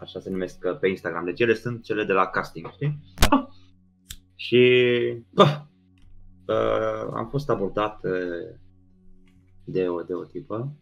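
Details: Man with Tourette syndrome, a comedian, speaking Romanian in a podcast conversation, with vocal tics (e.g. 'psi', 'psam', 'pa pa pa') throughout. Finding: vocal tics (Tourette syndrome).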